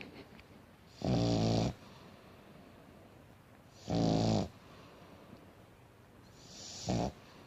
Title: Pug Hilariously Snores With Eyes Open and Tongue Out of Mouth